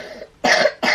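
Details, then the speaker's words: Two short, harsh cough bursts in quick succession at home, where the girls of the household all have colds and are coughing in turn. "Voilà, vous entendez tout le monde tousser à tour de rôle, là c'est quelque chose."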